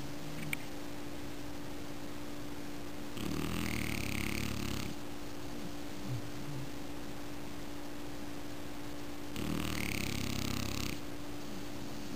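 Two low, rattling snores about six seconds apart over a steady room hum: snoring.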